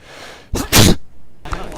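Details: A man's single sudden, explosive sneeze after a brief quick intake of breath, coming without warning.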